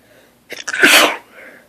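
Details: Person lying in bed just after waking, in a sneezing fit that grew progressively stronger: a quick inward catch of breath, then one loud explosive burst of air; single sneeze, recorded on a phone.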